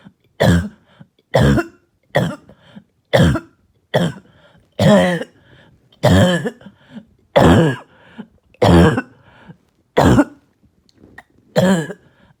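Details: Child with barking and hacking cough all night: about ten harsh, barking coughs in a row, each a short loud burst with silence between.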